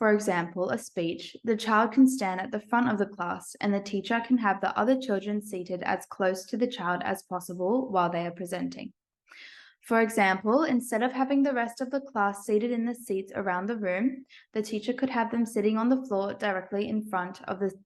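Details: Adult woman speaking; normal speech.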